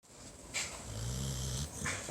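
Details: Sleeping pit bull dog gives a loud, low rattling snore, with a long rough drawn-in breath and a softer release; snoring.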